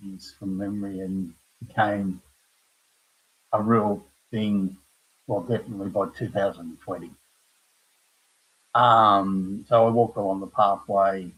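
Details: Adult man with aphasia after a stroke at age 58, caused by a blood clot from his heart, following a severe heart attack and quadruple bypass; knows what he wants to say but cannot find the words; aphasia.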